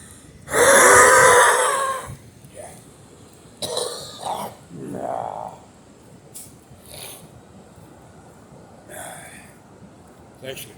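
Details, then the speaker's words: Adult still sick with COVID, with constant headache, weakness and an estimated 55–60% lung capacity, sleeping sitting up: a long, rattly throat clearing followed by several short wet coughs and clears of phlegm. "Still clearing phlegm constantly. For perspective, it sounds like this."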